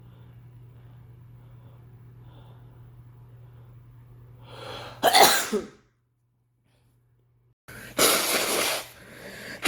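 One forceful sneeze after a brief inward breath, then a long, noisy nose blow; sneezing with nose blowing, not a cough.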